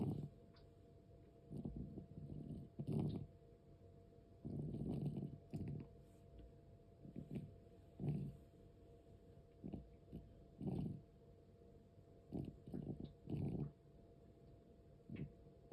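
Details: 13-year-4-month-old cat with asthma, noisy breathing that also occurs during sleep and sometimes stops: low, rough, rumbling breaths about 22 a minute, somewhat irregular, in a quiet room.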